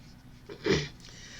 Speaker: Uh, sorry about my voice and the coughing I'm getting over a cold.